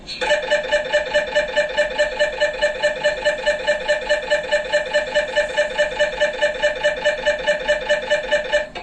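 Loud, steady, rapid buzzing pulses, about 143 a minute, from an MRI scanner running an imaging sequence; normal machine noise.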